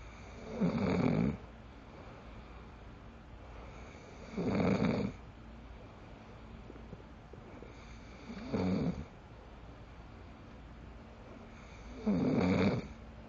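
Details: Adult man (boyfriend) who snores like this habitually, badly when tired: loud, rough snores on each in-breath, about 16 a minute, with quiet breathing between.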